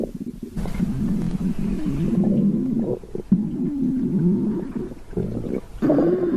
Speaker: Oh my, my tummy growling. I'm hungry. >> Oh my, my tummy is grumbling.